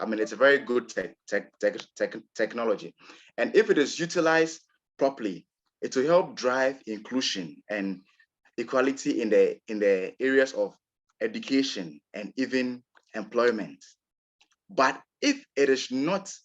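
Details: Real recording of an adult man from Ghana who describes himself as a person who stammers; stuttering.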